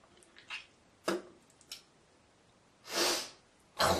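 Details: Girl coughing, hawking and spitting: brief coughs, a long rasping throat-clearing hawk and a sharp spitting sound in a quiet room; cough and throat clearing.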